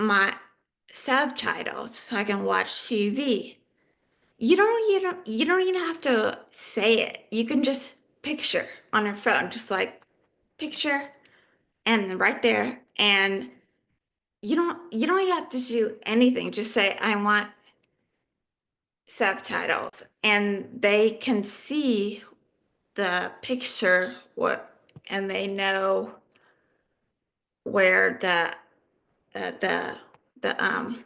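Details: Adult woman living with aphasia; aphasia.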